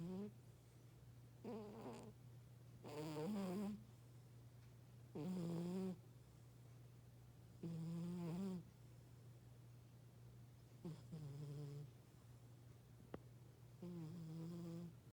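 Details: Oldest cat, sleeping, soft squeaky tonal snores at irregular intervals over a steady low hum; light snoring in a cat.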